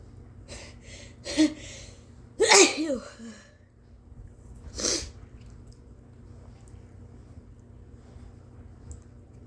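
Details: Short catching breaths building into one very forceful, wet induced sneeze, then a smaller sneeze, over faint room hum; sneezing.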